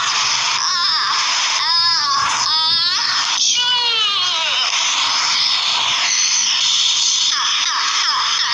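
Several high-pitched, rising and falling wails from an infant, separated by brief breaths; ordinary infant crying.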